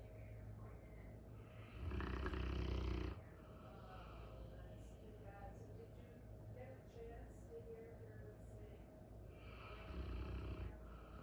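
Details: A large Cane Corso dog snoring in sleep: two deep, rumbling snores several seconds apart over a quiet room hum.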